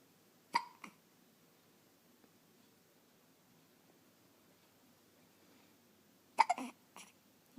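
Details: 2½-week-old infant girl with hiccups for about 10 minutes despite patting, fussy: sharp, brief hiccup sounds in two clusters with quiet between; infant hiccups.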